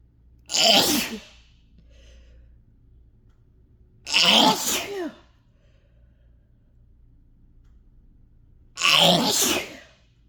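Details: Three loud, forceful, throat-scraping sneezes a few seconds apart, each with a sharp inhale, induced by chhinkni (sneezing powder), into a handkerchief in a quiet room; sneezing.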